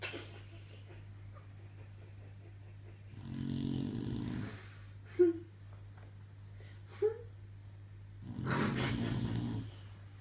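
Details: Snoring: two low, rumbling snoring breaths several seconds apart, with a couple of brief squeaky snorts between them over a steady hum.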